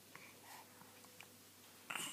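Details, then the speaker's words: Quiet room with faint soft clicks, then one short sharp burst at the end; an infant girl's hiccups starting. "Oh, is that the hiccup starting?"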